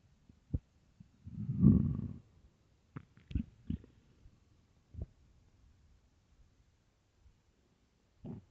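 Low gurgles and one longer rumble among scattered soft pops; ordinary stomach growling of an empty stomach.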